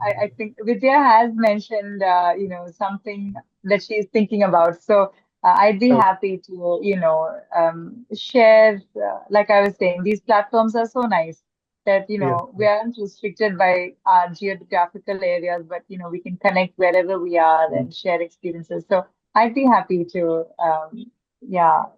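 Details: Adult woman speaking; normal speech.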